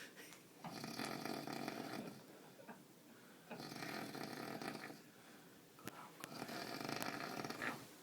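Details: Snoring recorded in Tallinn, described as newly taken up: three long, rough, rattling inspiratory snores about three seconds apart, quiet breathing out between, roughly 20 breaths a minute.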